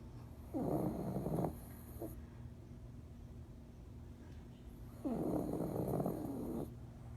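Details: Two rattling, fluttering snores on the in-breath, about four seconds apart, over a steady low background hum: snoring.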